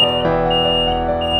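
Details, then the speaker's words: Steady high-pitched electronic tone sounding continuously as the ship's hospital call alarm is tested with its test button in the onboard hospital. "We have a testing button over here in which we can test our alarm, hospital call alarm."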